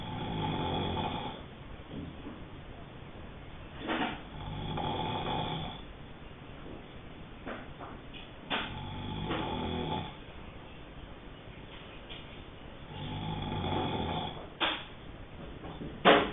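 Regular rough, rattling breaths during sleep, about four snores in sixteen seconds: snoring.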